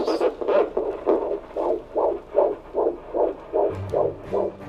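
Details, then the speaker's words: Rapid whooshing pulses of a fetal heartbeat on ultrasound Doppler, roughly 150 beats a minute. "now all across the country heartbeats are heard"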